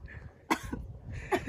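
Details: Two short, sharp coughs about a second apart, with faint room noise, from a female streamer.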